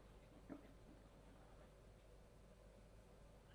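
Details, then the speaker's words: A brief, faint gurgling rumble from an adult's stomach over a quiet room hum, heard while lying in a supine twist during yin yoga; ordinary bowel sounds (stomach rumbling). "If you can hear your tummy rumbling like mine just did, that's a good sign that your nervous system is entering the rest and digest state, the place of calm that we're looking for."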